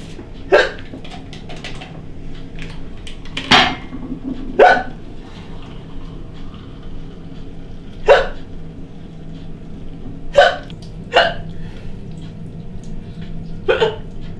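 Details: Woman with hiccups during housework, a condition she battles daily; seven brief, sharp, jerky hiccups at irregular intervals over about 14 seconds in a quiet room.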